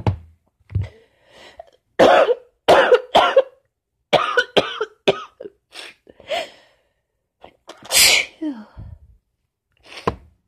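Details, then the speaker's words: Sneezing fit in an adult with cold remnants plus allergies and a teasing tickle: a run of forceful, explosive sneezes with quiet breaths and small catches between them, winding down. "Oh, fucking sneezing fits. Oh God. Now it's teasing."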